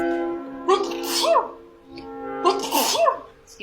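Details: Two loud voiced sneezes a couple of seconds apart, each a sharp 'achoo' burst, with music behind; sneezing.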